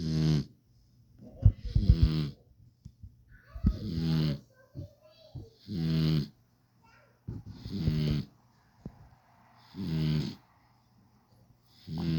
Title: puppy snores